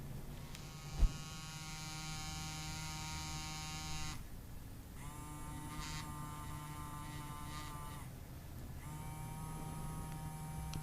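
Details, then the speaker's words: Handheld battery-operated vibration anesthesia device running during a real injection on the surgeon himself, using gate theory to block needle pain: steady electric buzzing hum with brief pauses. "it's a pretty significant vibration I mean you can really feel the vibration and I just I can't feel the needle going in at all"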